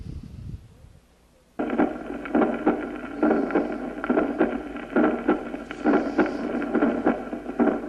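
Regular heart sounds at about 68 beats a minute, each first sound followed closely by a sharp early systolic click: a pulmonary ejection click.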